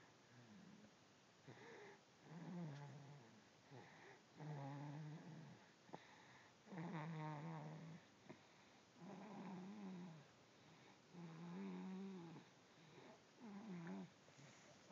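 Soft, regular purring snores with each breath, about 27 breaths a minute, in a quiet room; ordinary sleep snoring in a cat.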